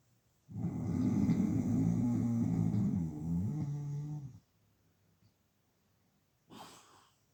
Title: Man Snoring Loudly - Homme ronfle fort